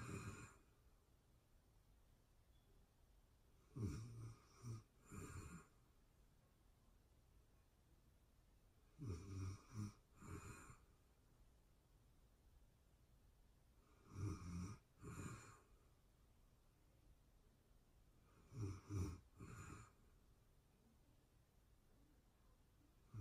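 Rough, rattling snores in short clustered bursts about every five seconds, roughly 12 breaths a minute, in a quiet room.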